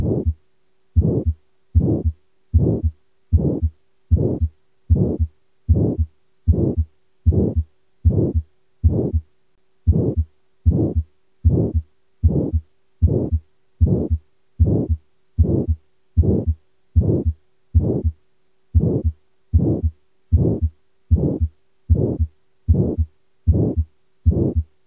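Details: Regular heartbeat at about 76 a minute with a harsh murmur filling each beat: aortic stenosis murmur.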